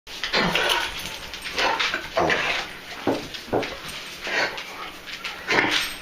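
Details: Dogs with kennel cough at different stages, on day 4 of doxycycline and cough suppressant, sometimes bringing up clear phlegm, give repeated harsh, dry hacking coughs in quick bursts.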